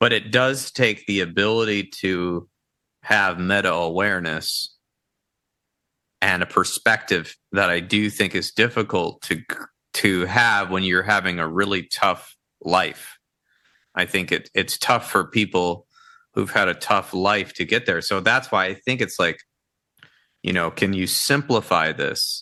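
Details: Dysarthria from ALS in an adult male counselor; the ALS affects his vocal cords and makes talking for long periods difficult.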